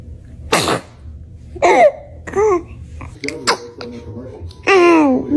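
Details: Several short, high-pitched baby sneezes with brief voiced squeals in a small room; ordinary infant sneezing.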